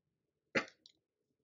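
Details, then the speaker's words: Pediatric pulmonary physiology teaching: weak cough from a patient with ventilatory muscle weakness asked to cough during physical examination; one brief, soft, short cough with little force. "so in other clinical law always ask patients with ventilatory muscle weakness to cough during your physical examination right sometimes you're going to hear"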